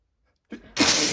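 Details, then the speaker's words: A man with a strong tickle in his nose gives a short in-breath and then a single loud, forceful, hissing wet sneeze, one of a run of strong sneezes. "Oh, it tickles so much. It feels so bad. I got it. I got to let it out. Oh god. Oh, I got to sneeze. I'm going to sneeze."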